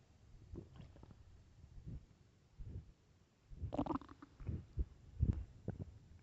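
Irregular low gurgling and rumbling bowel sounds, louder in the second half: ordinary hunger stomach growling.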